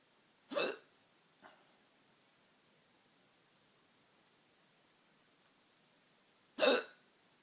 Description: Late night hiccups